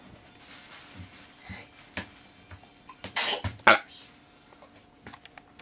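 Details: A sneeze in a quiet room: a short burst of sharp, hissing noise followed by a quick snort.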